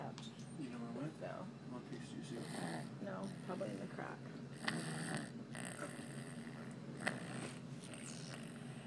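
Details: Sleeping baby (infant) snoring: soft rattling, snuffly breathing sounds, with adult voices nearby.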